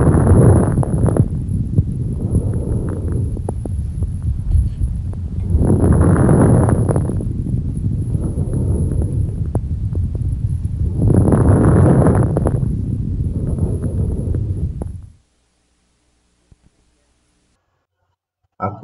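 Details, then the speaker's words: Slow, deep open-mouth breathing through a stethoscope with many brief, fine, high-frequency crackling clicks. These are fine crackles, described with asbestosis, systemic sclerosis and rheumatoid lung disease. "ακούστε τώρα τους λεπτούς τρίζοντες υψηλής συχνότητας"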